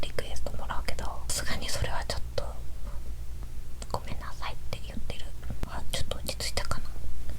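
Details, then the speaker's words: Bowel sounds recorded about 3 hours after a meal while lying sideways: irregular soft gurgles, clicks and watery squelches over a steady low hum, possibly food moving down or intestinal peristalsis; ordinary active digestion. "«Поскольку я смотрю боком, это звук еды, движущейся вниз?🤔». "Что это за звук?" «Или это звук перистальтики кишечника, толкающего пищу?»"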